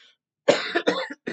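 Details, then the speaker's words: Adult with a persistent cough after a tonsil-related illness, worse at night: a short run of dry, hacking coughs in two or three quick bursts with no rattle. "I still have a cough sometimes it sounds like I'm about to cough up my mungs tonsils whatever else is inside"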